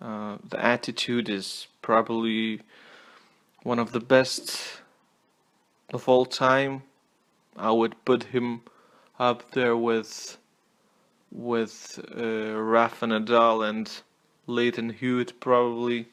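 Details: Stuttering with word repetitions in an adult male non-native English speaker who apologizes for his stutter.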